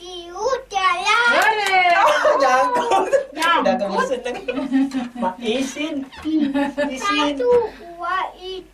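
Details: Adult woman talking to a child; typical adult speech.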